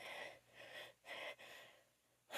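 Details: Quick, breathy in-drawn gasps in a row from a female with itchy allergies, the catching breaths that build up before an allergic sneeze.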